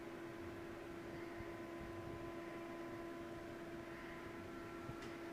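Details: Steady low motor hum with a constant tone: an Animas OneTouch Ping insulin pump rewinding before a new cartridge holding 60 units of insulin is loaded, during an infusion set change for a young child with diabetes.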